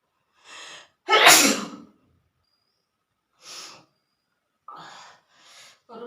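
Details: Sneezing challenge with long green grass, handkerchief and spicy cooking: a breathy intake, then a loud explosive sneeze followed by short gasping breaths and softer sneezes, a bout of sneezing.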